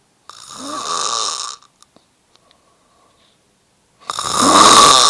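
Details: Snoring, recorded November 2009.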